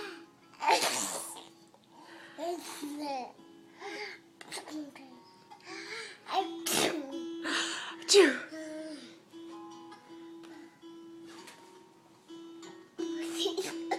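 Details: Pretending to sneeze: several abrupt, feigned sneeze bursts with voices and music playing in the background.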